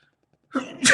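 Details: Adult man sneezing repeatedly, about the fourth of a counted run of twelve: brief quiet, then a short inhaled lead-in and a sudden, forceful sneeze burst.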